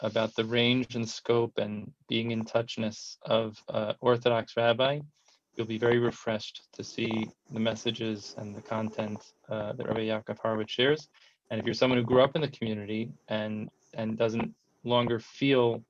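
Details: Adult male speaker; typical speech.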